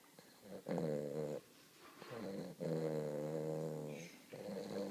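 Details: Weimaraner puppy taking a deep nap: long, loud, buzzy groaning snores rising and falling with each breath in a quiet room; snoring.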